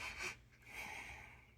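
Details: A short, forceful nasal snort followed by noisy breathing through the nose from a woman who snores, wearing a nasal strip that pulls her nostrils open; snorting.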